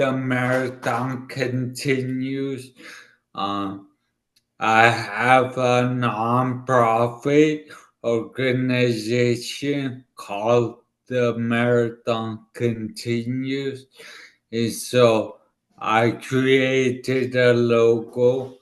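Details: 40-year-old man, former elite runner, with dysarthria from a right-sided ischemic stroke about two years earlier, affecting his left side and part of his tongue and mouth; he had to relearn speaking; repeated words are heard.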